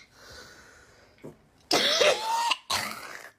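Two harsh coughs with a rough, throat-clearing quality, the first drawn out with a squeaky tone.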